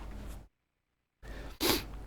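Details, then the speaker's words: Single abrupt, real adult sneeze, a brief sharp burst of air after a short pause and announced warning, over low room noise; speaker attributes it to dust in the air; sneeze. "Excuse me, I'm going to sneeze in a minute. It's out of my control. Yep, here it comes."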